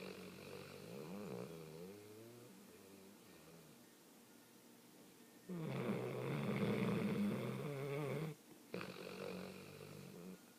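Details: Snoring during sleep: low, rattling, buzzing breathing sounds with a louder stretch partway through.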